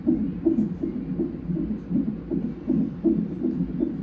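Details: Fetal heartbeat on Doppler during a non-stress test at 37 weeks in a twin pregnancy: rapid, steady whooshing pulse around 150–160 bpm while the baby moves a lot; mother reports belly pressure and possible contractions.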